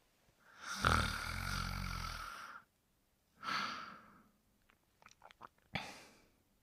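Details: Sleeping subject snoring: two long, rough, rattling breaths, then a few soft snuffles and a short snort.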